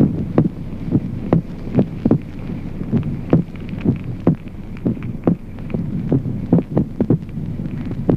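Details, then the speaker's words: Ventricular extrasystoles on heart auscultation: irregular early beats, with the second heart sound doubled in the premature ventricular beats. "Ejemplo duodécimo. Suplicación del segundo ruido cardíaco en la extrasistolia ventricular."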